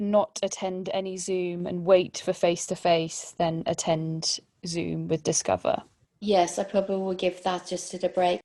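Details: Adult woman, interviewer; no disorder.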